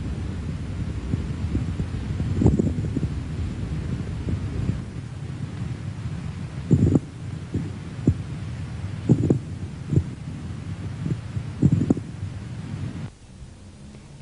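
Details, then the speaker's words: Teaching recording of respiratory auscultation, seated patient: bubbling moist rales from bronchial secretions that shift with coughing and occupy both phases of respiration: coarse crackles. "y estertor esa burbuja o estertores húmedos indican la presencia de secreciones en los bronquios se movilizan con la tos y abarcan los dos tiempos de la respiración"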